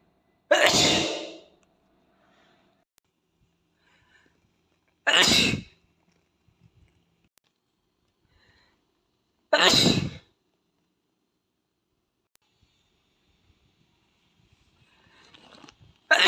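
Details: Three sharp, explosive sneezes about five seconds apart from an Asian boy, with quiet between them. Sneezing.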